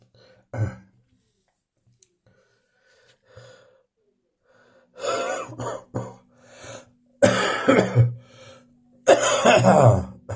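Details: An adult, still coughing in the morning, gives a run of short coughs mixed with harsh throat clearing and snorting, in a quiet room.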